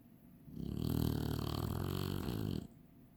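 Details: Chinese Shar-Pei dog snoring.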